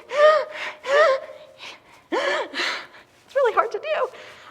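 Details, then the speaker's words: Imitation of a boy's breathing while he runs on a treadmill in an exercise challenge test for exercise-induced laryngeal obstruction (vocal cord dysfunction): loud, high-pitched, strained inspiratory stridor with distress. "you can see he looks like he's about to collapse he's having a lot of distress um so this kid feels like he can't breathe"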